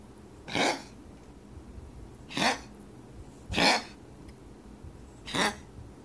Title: Toby Cough 9-24-2017